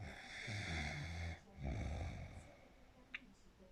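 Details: Snoring: two loud, rough, vibrating breaths in the quiet, each followed by a pause.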